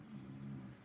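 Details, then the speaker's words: Sleeping dog heard during a live stream: a quiet, low-pitched droning rumble, a brief snore against faint room noise. "dog is well in true snoring yeah Karen's deceived is the dog snoring"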